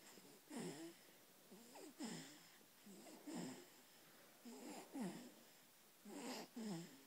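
Repeated noisy breaths with a whistling, squeaky quality, about five in seven seconds, heard during sleep; wheezy snoring.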